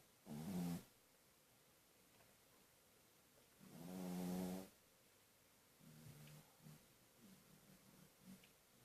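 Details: Sleeping dog snoring: two long, loud, low rumbling snores, then softer fluttering breaths, at about 16 a minute.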